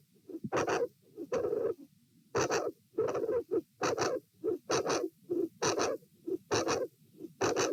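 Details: Dilated aortic root, recorded at position A while lying, sitting and standing: loud regular heartbeat near 67/min with a very loud mid-to-late systolic sound (aortic vascular click) and a murmur at S2.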